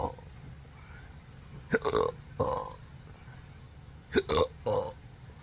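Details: An adult with chronic involuntary diaphragm spasms since a December 2015 surgery, attributed to pudendal, phrenic and vagus nerve damage, gives four loud throaty burps in quick pairs, each with a sharp hiccup-like catch at onset.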